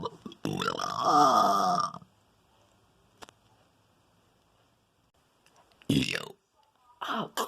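A long, loud, voiced belch lasting over a second, followed after a pause by shorter belch-like bursts; repeated burping.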